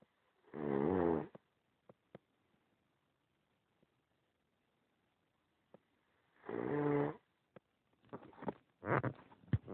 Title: cachetes 9 yrs later still snoring